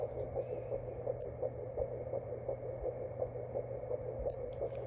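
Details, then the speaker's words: Home fetal Doppler at 7 weeks 5 days of a second pregnancy: rapid, regular whooshing pulses at about 170 a minute, the fetal heartbeat. "The other thing that's exciting is I found the baby's heartbeat on the doppler, and so I actually found it at like 7 weeks 5 days."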